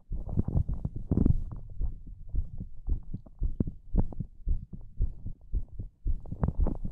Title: ASMR HEARTBEAT